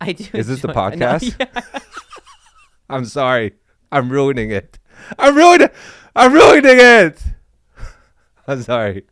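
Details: Adult speaker; ordinary speech.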